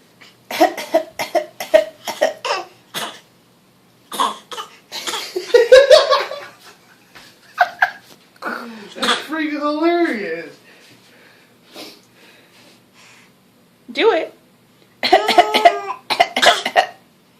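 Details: A young child, prompted by a parent, gives repeated short, forced coughs on purpose with a brief laugh between bursts; voluntary fake cough.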